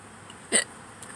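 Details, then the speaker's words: Adult hiccupping in a parked car while hungry, before eating: a single short, sharp hiccup against quiet car interior noise. "you can tell my body probably knows it's my why I get hiccups I'm hungry"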